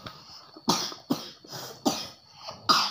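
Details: Young child reciting Quran verses coughing: four short, sharp coughs with quiet breaths between them.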